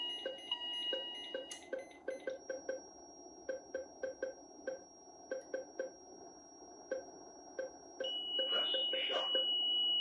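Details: Philips IntelliVue MP30 patient monitor alarm with a ZOLL E Series defibrillator, sync and charge pressed manually after a no-shock-advised decision, on a simulated ECG rhythm: tonal alarm beeps over repeated short pulse tones, then a steady high alarm tone.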